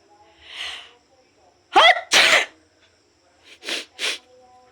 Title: high pitched sneezes Philippines ❣️